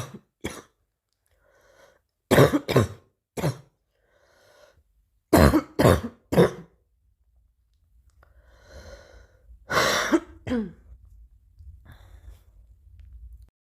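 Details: About ten sharp coughs come in short clusters of two or three, separated by quiet breaths: cough.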